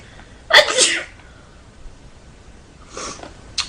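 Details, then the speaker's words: Girl sneezing multiple times in a row: loud, explosive sneeze followed by softer sneezes in quick succession; ordinary sneezing. "right as you can tell I sneezed like multiple times in a row that was embarrassing"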